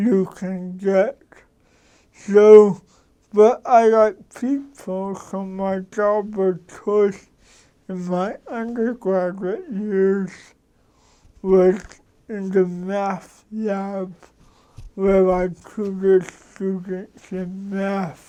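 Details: Dysarthric speech from an adult man with cerebral palsy who describes his mental capacities as sharp.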